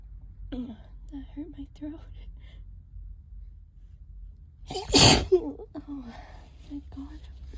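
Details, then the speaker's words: Loud, forceful sneeze with soft talk before and after, part of a prolonged bout of wet allergic sneezing triggered by cleaning the trap, hurting the nose. "Oh, excuse me. Oh, excuse me. God, I can't stop. Oh, my nose. Ow."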